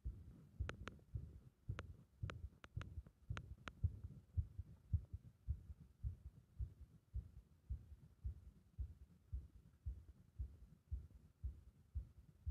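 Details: Compression heart sound with a bursting-like arrhythmia: muffled low heartbeats at roughly 110 a minute with uneven spacing and a few sharp clicks early on.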